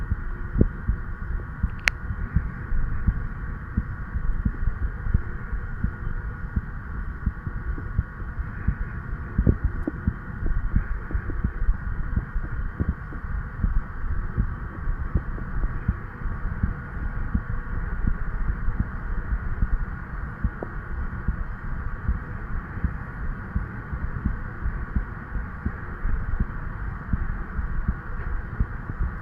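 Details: 36-year-old male's own heartbeat recorded over the tricuspid area with an old stethoscope head, tubing and lavalier microphone: muffled low thumps under a steady hum.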